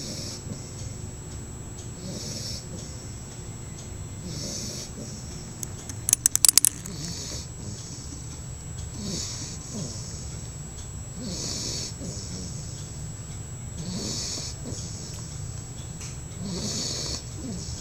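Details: Sleeping pet snoring with eyes open: soft, regular rasping breaths with a noisy snore on each cycle, about every 2.5 seconds, brief jingle midway; snoring.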